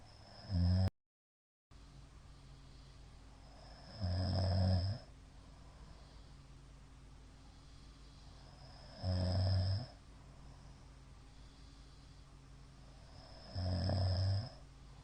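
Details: Middle-aged man's (ojisan) snoring during sleep: loud, low, uneven snores about every five seconds with quiet gaps; frequent shallow hypopneas suggest sleep apnea syndrome.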